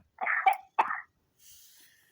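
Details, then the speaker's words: Older woman on a phone voicemail gives two sharp, harsh cough bursts followed by faint hiss; she says it is just a tickle in her throat and no need for concern. "Okay you perfectly I just got a tickle in my throat. That's all it is. No need to concern and I give you another later on extra."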